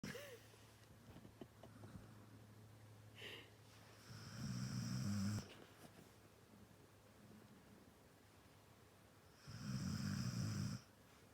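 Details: Husky dog snoring while asleep: two deep, rumbling snores about six seconds apart, separated by quiet breathing; ordinary snoring.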